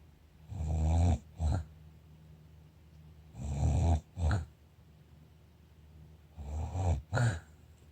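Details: Sleeping dog snoring: three slow, rattling, snorting snore cycles, each a long rough breath followed by a shorter one, in a quiet room.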